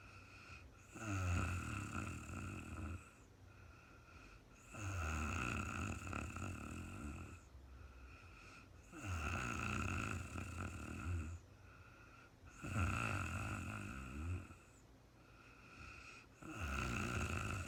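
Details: Woman asleep at night, recorded in real time, snoring: steady rattling snores on each breath in, about 16 breaths a minute, with quieter breaths out between them; regular snoring.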